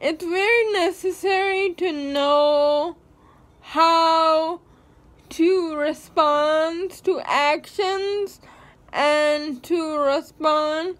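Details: Dysarthria in a young woman with cerebral palsy.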